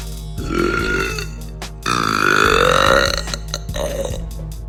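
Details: Girl burping: two long, loud, voiced belches over background music.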